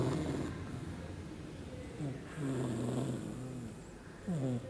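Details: A younger sister snoring during sleep: repeated low, rumbling snoring breaths over a few seconds with some room noise.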